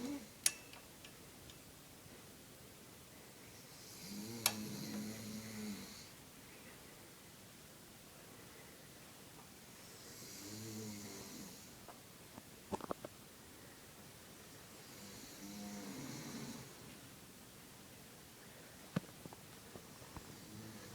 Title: The snoring "beast" in action!